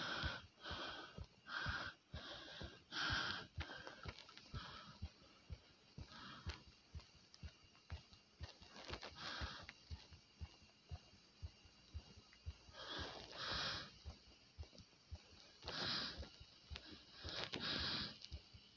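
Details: Heavy breathing after doing 50 jumps: loud, quick, gusty breaths over rapid, hard heart thumps, easing during recovery from exertion.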